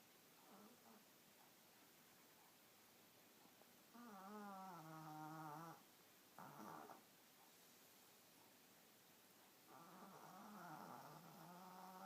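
Intermittent squeaky, whistling snores from a sleeping puppy, with quiet gaps between; ordinary puppy snoring.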